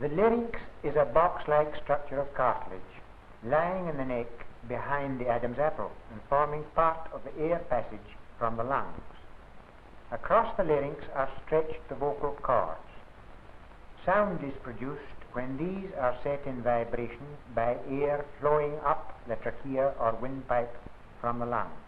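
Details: Adult male narrator; typical speech.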